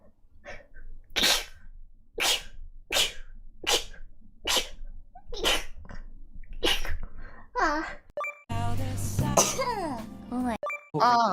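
A rapid series of about eight sharp sneeze bursts from different voices, followed by short vocal sounds and music: a compilation of sneezes.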